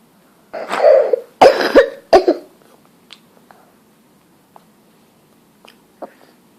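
A cluster of about four harsh, forceful adult coughs in quick succession, then quiet breathing and small throat sounds.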